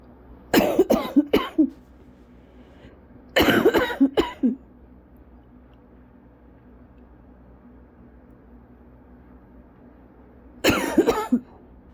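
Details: Chronic cough from cough-variant asthma, lingering weeks after bronchitis; the usual persistent cough, not the severe breathless one: three short clusters of repeated coughs separated by quiet pauses.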